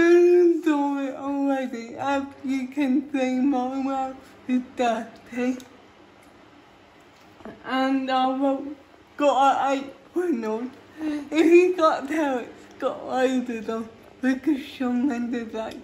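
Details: Female speaker with cerebral palsy, talking while feeding herself with a Neater Eater eating aid; dysarthria (cerebral palsy), inferred from her condition rather than stated.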